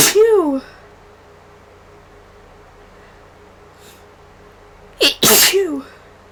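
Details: Person with allergy-like sneezing after a day around many vases of funeral flowers, antihistamine worn off and runny nose: two sudden, explosive sneezes, the second preceded by a sharp in-breath.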